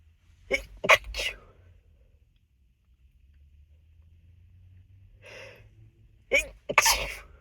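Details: Two clusters of sharp, muffled sneeze bursts held back through the nose, with a quiet breath between them, amid nose blowing, in a full, unedited session; stifled sneezes.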